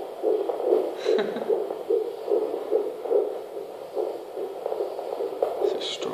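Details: Fetal heartbeat on Doppler at 15 weeks 5 days: rapid, regular whooshing pulses at 145 beats a minute; normal fetal heartbeat.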